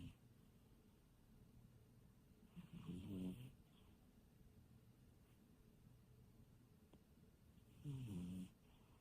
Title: Cat snoring